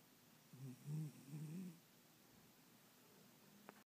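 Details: Chihuahua asleep with his head resting in a person's hand, snoring loudly; soft, low, fluttering snore sounds over about a second, then quiet room noise.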